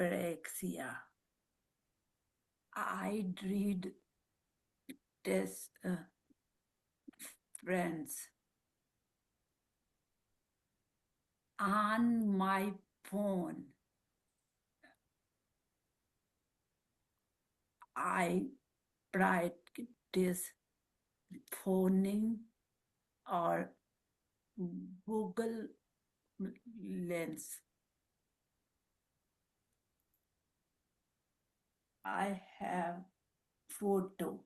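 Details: Aphasia with apraxia of speech after a stroke in a woman who speaks Marathi, Hindi and English; her words come out mixed across these languages.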